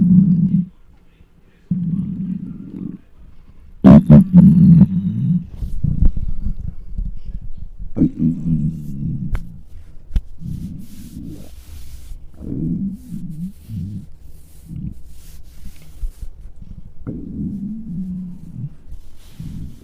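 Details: Loud, drawn-out low growls and gurgles with occasional sharp bursts, recorded with a microphone close to a very hungry adult's belly: borborygmi, normal hunger rumbling.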